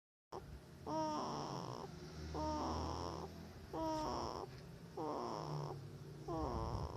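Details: Baby girl snoring: soft, rhythmic noisy breathing with a fluttering quality, about 44 a minute, in a quiet room. Infant snoring.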